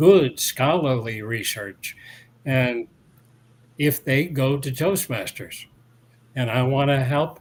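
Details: Adult man years after a 2017 stroke that caused aphasia and loss of mobility, with speech regained but residual word-finding difficulty that worsens when tired, dehydrated or agitated; residual post-stroke aphasia.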